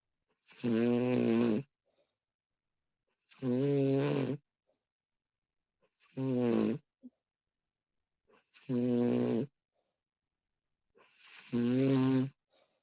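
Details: Snoring recording of a sleeping woman: regular rattling snores with each in-breath, about five in 13 seconds, quiet gaps between.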